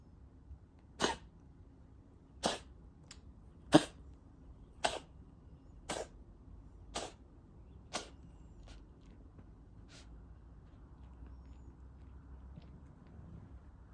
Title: Cat coughing for a minute!